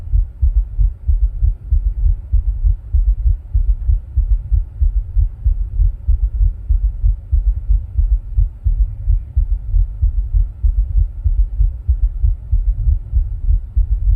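Steady low heart thumps at about 95 beats a minute, a regular fairly quick heartbeat.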